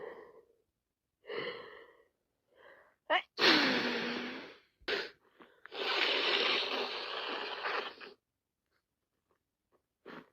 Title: Wet cold sneezing and sniffles more sneezing after 3 mins